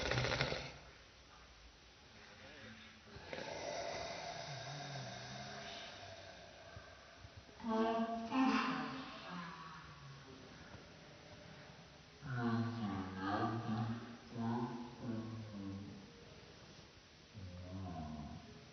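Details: Loud snoring from a sleeping adult man, played in slow motion so each drawn-out, rumbling breath sounds deep and stretched.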